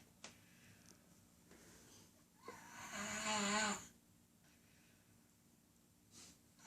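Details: 19-month-old child snoring: a single rough, buzzing inhaled snore in a quiet room, with soft breathing before and after; ordinary snoring.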